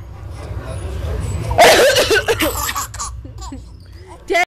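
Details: 6-month-old baby giggling and laughing hard after a 13-year-old sneezes once suddenly while playing; sneezing.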